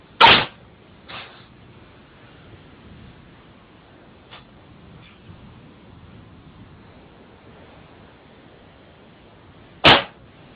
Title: Cat Sneezes Very funny!!